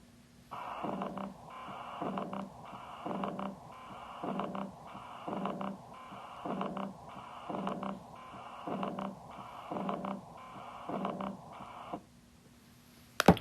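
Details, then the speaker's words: Chronic aortic regurgitation heard at the base of the heart: heartbeat near 55 a minute, S1 and S2 with a soft decrescendo diastolic murmur immediately after S2. "hopefully you heard an s1 and s2 and immediately after the s2 a decrescendo murmur with the fact that it's occurring immediately after s2 showing that it is a diastolic murmur"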